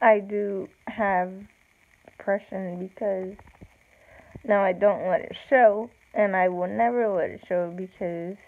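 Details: Speech of an adult woman with cerebral palsy, real; slow with long pauses, no specific speech disorder named.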